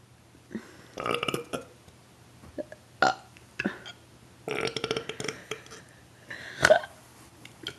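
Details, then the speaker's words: Tony's several loud, drawn-out throaty burps with short pauses, quiet room; he describes a backwards burp tasting like pizza; belching. "times. Oh boy, I keep like a backwards burp. It tastes like pizza."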